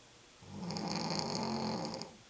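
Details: A woman snoring: a single long, rumbling, vibrating snore on an in-breath, with quiet breathing before and after; snoring.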